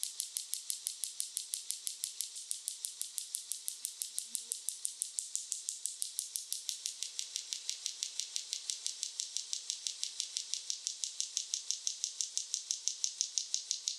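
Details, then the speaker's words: Extracorporeal shockwave therapy device applied over gel in a hospital-run medical spa: rapid, regular sharp clicking taps at about 120 per minute. "Người ta nói rằng sóng xung kích ngoại cơ thể này được áp dụng để kích hoạt tuần hoàn máu và gây ra những thay đổi vật lý ở mô xung quanh, màng tế bào thần kinh, từ đó làm giảm đau."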